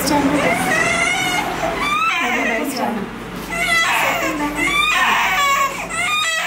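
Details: Infant waking from general anaesthesia after major surgery: loud, high, strained crying in repeated wails, with room noise behind.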